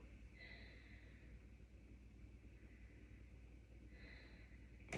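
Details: Normal breath sounds from a patient's posterior chest over the superior segment of the lower lobes, around T3 to T10, auscultated by a student physical therapist checking that the lungs are symmetrical and clear.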